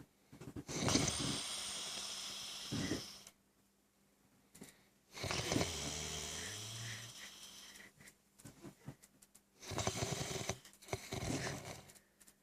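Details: Horrible heavy snoring: loud, harsh rattling breaths in long drawn cycles with quiet pauses, about 13 a minute; snoring.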